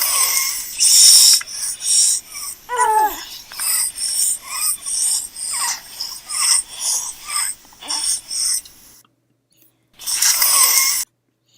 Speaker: that unusual sound that you just heard is an example of stridor in an infant. And again, that's an upper airway obstruction.